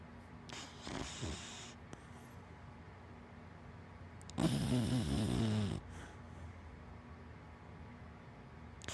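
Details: Two snorts or snores, one short and one longer and louder, from a sleeping big black dachshund–black Labrador mix dog over quiet room noise; dog snoring.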